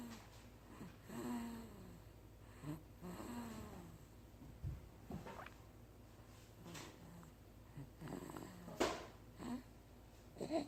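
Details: Snoring recorded on July 27, 2016; snoring.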